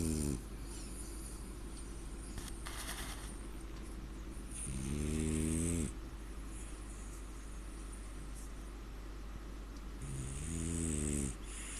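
Rough, buzzing snores on breaths in, about every five to six seconds, over steady room hum.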